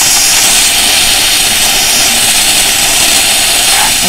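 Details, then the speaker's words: High-volume evacuator with air-water syringe spray: a steady, loud hissing rush as the dental dam area is rinsed to clear debris and amalgam fragments before dam removal. "so with your non-dominant you'll have the hve okay turn on your hbe and just begin rinsing with the air water spray in that area"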